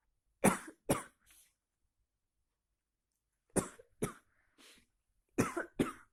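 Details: Three clusters of explosive bursts, about seven in six seconds, with silence between; repeated big sneezes.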